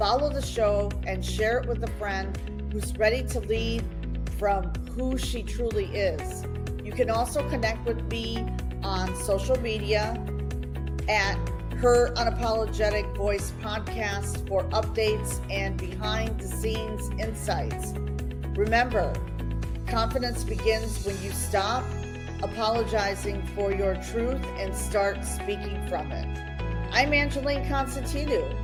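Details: Adult woman speaking; normal voice.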